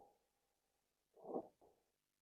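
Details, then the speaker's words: Faint, rough, bubbling crackles in a baby's chest, turbulent rather than high-pitched like wheezing; crackles can arise in the airway or lung tissue, e.g. lung swelling or pneumonia. "the wonder is if you listen to crackles it sounds different than wheezing it's not high pitch its turbulent"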